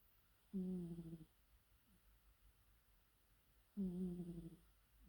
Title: Cat Snoring